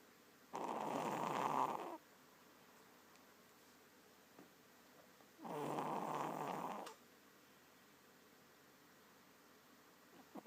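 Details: Two long, rough, rattling snores about five seconds apart with quiet pauses between; ordinary snoring during sleep.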